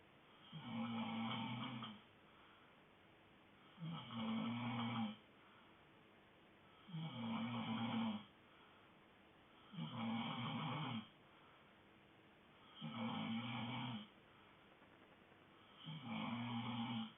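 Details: A sleeping dog snoring in steady, regular rumbling bursts, about 20 breaths a minute, in a quiet room.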